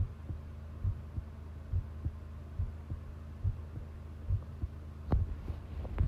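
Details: Long self-recorded heartbeat taken while listening: steady thumping at about 70 beats a minute with a low hum behind it; normal heart sounds.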